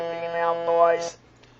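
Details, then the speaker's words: Electrolarynx speech on its higher, female pitch setting: buzzy, mechanical monotone voice at a raised fixed pitch, hard to identify as female or male. "obviously it's higher but unless you're standing there looking at the person and can see that she's definitely a female you'd be hard dressed to know whether this was a female speaking or a male"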